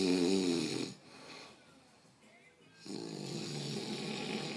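Two loud, buzzing, tonal snoring breaths with a quiet gap between; a pig snoring.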